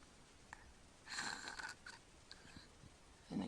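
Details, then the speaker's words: Child with obstructive sleep apnea while sleeping, tongue falling back: breath-holding pause, then a sudden noisy, whistling gasp as breathing resumes; repeated apneic episodes over about three minutes. "he's still holding his breath and that's going to gulp again there he goes that was it again"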